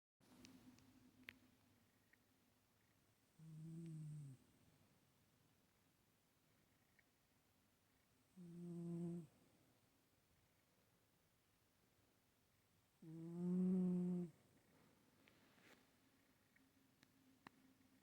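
Three soft, humming snores about every five seconds, roughly 12 breaths a minute, in a quiet room; ordinary sleep snoring.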